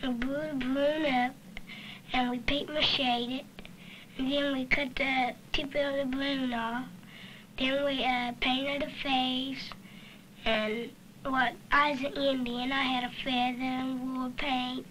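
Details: Child in speech therapy for an articulation disorder, working on producing the r sound; articulation disorder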